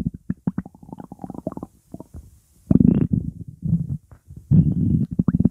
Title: bubbly hungry tummy noises